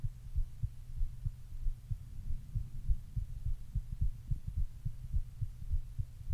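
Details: Deep, thumping male heartbeat at about 105 beats a minute with a low steady hum behind it; normal heartbeat.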